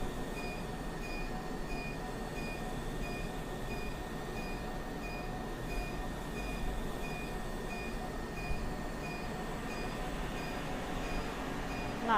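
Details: Live clinic session, underarm laser hair removal on an adult female patient by a registered nurse: continuous machine hum with steady tone and regular pulsed beeps as the laser fires; patient finds it tolerable.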